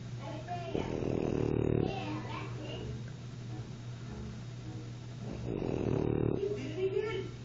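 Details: French Bulldog snoring during a nap: two long rattling breaths in sleep over a steady low room hum.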